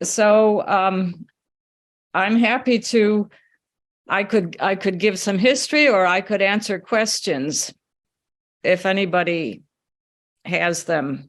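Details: Adult woman speaking; normal voice.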